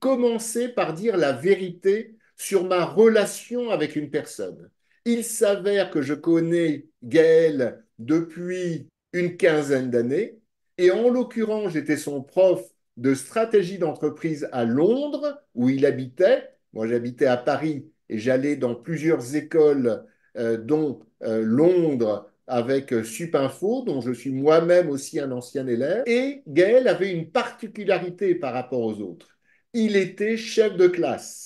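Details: Adult male speaker; typical speech.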